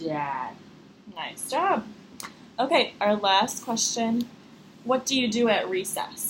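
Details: Adult woman speaking; normal speech.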